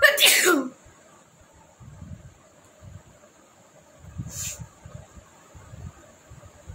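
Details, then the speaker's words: Deliberate sneezing challenge with chili powder: one loud, sharp sneeze, then quiet sniffing and breathing, then a short hissing burst. "তো চলো শুরু করি, তোমরা দেখতে থাকো আজকে কতগুলো হাঁচি হয় দেখো।"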